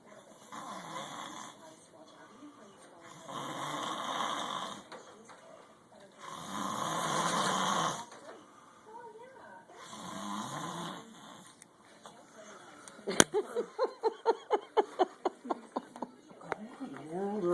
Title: Stop the Snoring!